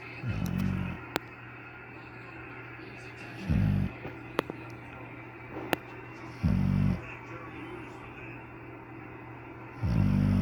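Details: Pit bull sleeping on a couch: short, low rumbling snores about every three seconds, roughly 19 a minute, over a steady background hum; snoring.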